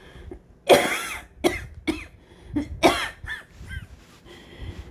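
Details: Cough of an adult sick with COVID-19 despite a breathing treatment beforehand: a run of about five harsh, wet-sounding coughs with throat-clearing and rasping breaths in between.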